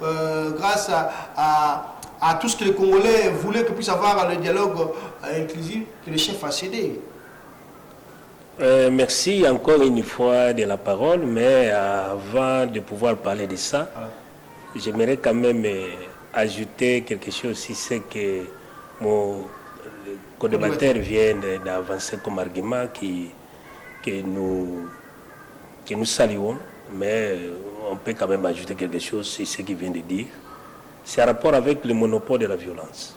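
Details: Stuttering in a male speaker who says he stutters and that listeners sometimes understand him poorly; repeated syllables are heard in spontaneous French speech.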